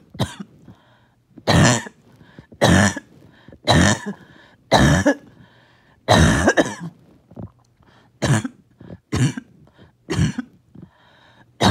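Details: First coughing fit of the day: a run of about ten harsh, rough coughs in bursts, some wet and throaty, as mucus would not come up as needed; coughing fit, wet cough.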